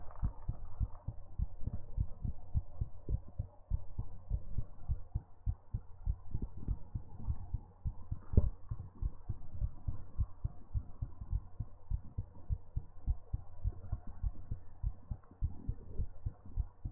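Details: Close-up steady low thudding heartbeat, roughly 100 beats a minute, with faint background hum; an ASMR heartbeat recording.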